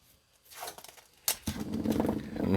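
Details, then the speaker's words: Sleeping female dog, described as dreaming: after a few knocks and a sharp click, a rough, fluttering, low snore builds and grows louder in a quiet room. "you could hear that but my dogs are snoring snoring away hear that she's having a dream catching something"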